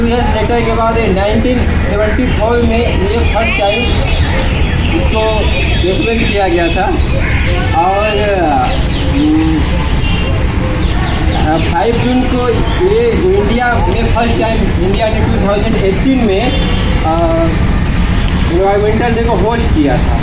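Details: Adult Hindi-speaking man who says he has stammered since childhood, noticed around ninth class, with recent loss of confidence; he attends a stammering self-help group; stuttering.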